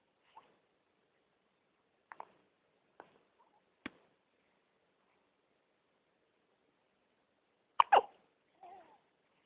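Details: Short, sharp gulping catches at irregular intervals in a quiet room: hiccups.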